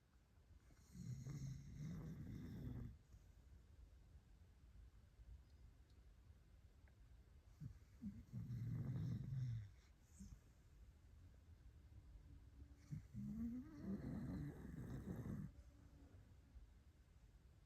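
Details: Sleeping dog: three low rumbling snores about six seconds apart, roughly ten breaths a minute, in a quiet room; snoring.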